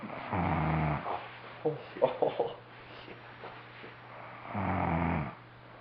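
Two long, low, rattling snores on the in-breath, separated by a quiet pause, from a sleeping adult man; ordinary snoring.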